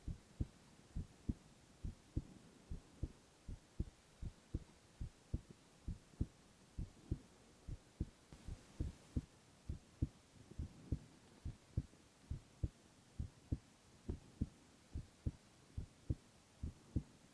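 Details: Male ASMR recording of heart sounds only, no talking: steady soft lub-dub heartbeat at about 70 beats a minute with a faint hum behind; normal heart sounds.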